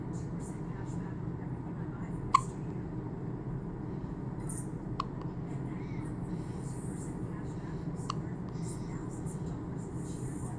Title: Newborn poppy has hiccups